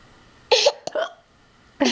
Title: Silly Hiccups